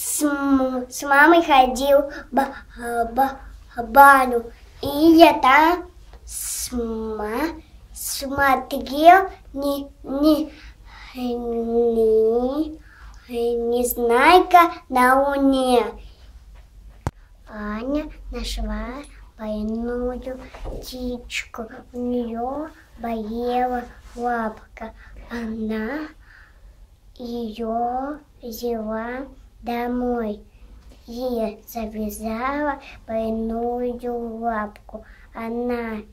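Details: 5-year-old boy with stuttering, recorded before a three-week stuttering treatment course: stuttering.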